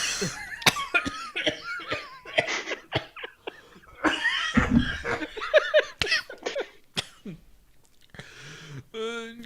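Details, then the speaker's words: Several loose, wet-sounding coughs from an adult man amid laughter and talk in a small room; a productive cough, and others joke it sounds like Corona. "Oh my goodness. you sweat when you cough. I can't breathe. That sounds like Corona."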